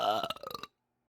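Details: An adult gives a short, low, voiced belch breaking into quick rough pulses before stopping; belching.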